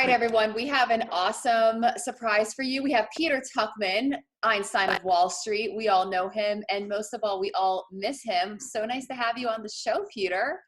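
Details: Adult woman; normal speech.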